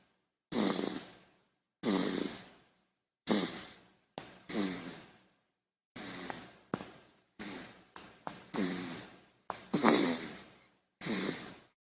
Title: baby snoring sound no copy rightstrike